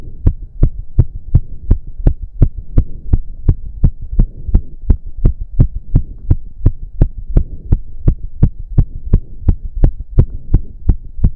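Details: Male heartbeat during an intense cardio workout of about 15 minutes, with heavy breathing. Fast, regular, forceful beats at roughly 170 a minute over a steady hum; he reports close to 200 bpm. Exercise-induced sinus tachycardia.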